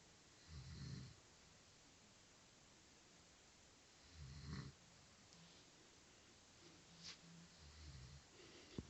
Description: I had no idea my dad snored